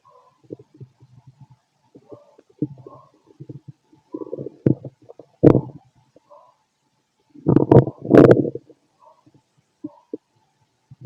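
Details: Stethoscope auscultation of the abdomen of a fit adult male: bubbling, gurgling rumbles in bursts with a few louder growls, ordinary bowel sounds of a growling stomach.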